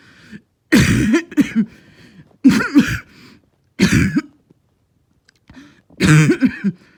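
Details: Four harsh, deep, hoarse, seal-like barking coughs separated by brief quiet pauses.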